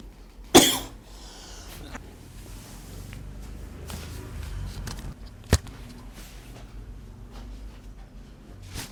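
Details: During a chiropractic back-pain treatment session, as the patient is told to lie face down: one short, sharp cough, then a quieter second burst a few seconds later, with faint room noise; plain cough.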